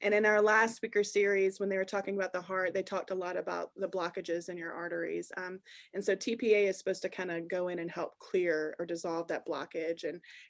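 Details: Adult speaker; normal speech.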